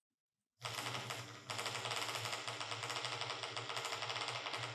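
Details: Single fiber EMG potential.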